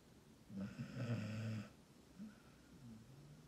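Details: Dog in a deep sleep: a single loud, rumbling snore lasting about a second, followed by quieter breathing noises; snoring.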